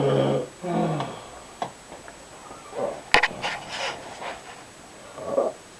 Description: Hubby snoring